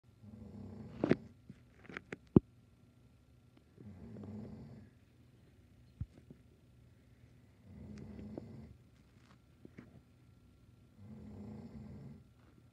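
Slow, regular rumbling snores, about one every four seconds, with quiet pauses between, in a quiet room.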